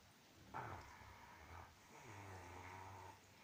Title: Boxer dog snoring